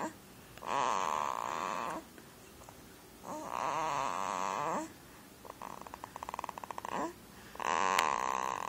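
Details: Jameson snoring: loud rasping snores on breath in and out with some rapid flutter, in a quiet room.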